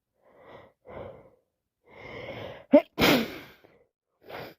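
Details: Day 2 of a common cold: breathy wind-up breaths, then a sharp explosive sneeze followed by a trailing exhale; sneezing.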